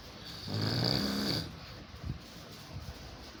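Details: Overweight man snoring hard during sleep: one loud, rough, rattling snore on a breath, followed by quieter breathing noise.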